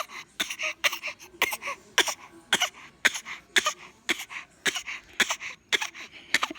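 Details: A person coughing; the speakers mention night-time coughing.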